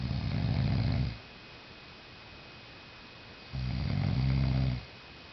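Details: Loud snoring during deep sleep: two rumbling snores on breathing in, about two seconds apart, with quiet breaths out between.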